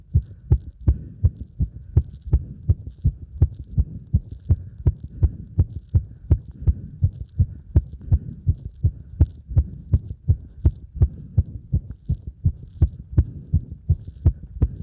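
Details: Cardiac arrhythmia heard with the chest pressed, during squats: fast heartbeat of roughly 80+ per minute with unevenly spaced beats, consistent with an irregular rhythm.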